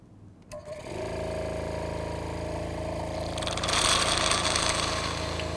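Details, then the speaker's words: Hospice home suction machine switched on during a setup test with its long tubing in a glass of tap water: a click, then a steady pulsing motor hum and a rushing, bubbling hiss as water is drawn into the canister; suction working normally. "locate the power source on the machine and then turn the machine on"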